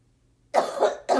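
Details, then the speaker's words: Adult surgeon with COVID-19 right-lung pneumonia, day 23, doing postural drainage after chest percussion, feeling right-sided pain: silence, then two harsh, forceful cough bursts. "I think move my thighs didn't like anyway you have to give it a few minutes nothing really happens and then I'll sudden you start gurgling and they start choking and then it takes a little while for gravity to work but this is draining the back of my lungs up and out same breathing exercises you start to feel a tickle"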